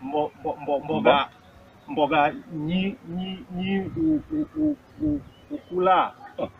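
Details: Comedy skit character portrayed as a stammerer, repeating words while attempting a word, hard for friends to understand; finding: stuttering.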